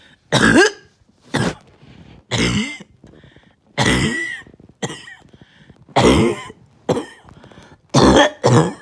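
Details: Harsh, loud barking cough in single bursts with rough throat noise between them, amid more coughing and barking at night; barking cough.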